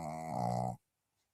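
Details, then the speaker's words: Dog asleep in a quiet room gives a single low, rumbling, buzzy snoring breath lasting under a second, then silence; snoring. "Which dog's that snoring?"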